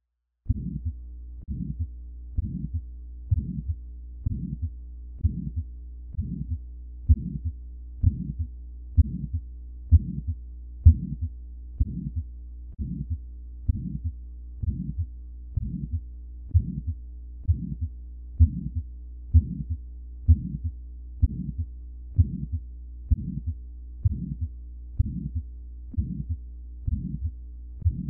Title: early systolic murmur